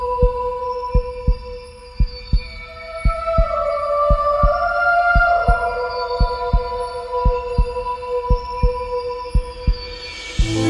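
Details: Produced heartbeat sound effect in an epic music mix: regular low thumping, about 57 beats a minute, under a sustained musical drone.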